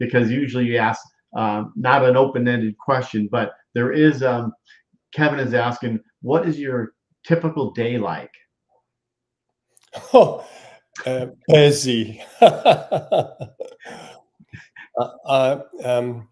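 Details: Aphasia in a male speaker.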